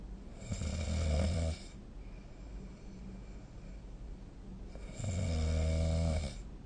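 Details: Two loud, low, rattling snores on the in-breath separated by a quiet out-breath, recorded with a snoring app during sleep: ordinary snoring.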